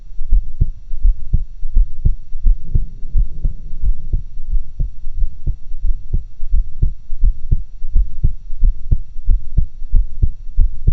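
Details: Own heart sounds recorded with two stethoscopes for a stereo-like recording: regular low thumping heartbeats at about 86 per minute with a faint hum; normal heart sounds.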